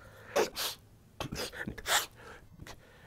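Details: Adult man who sniffles often, supercut edited from recordings: rapid string of short, forceful sneezes and snorting breaths edited together; repeated sneezing.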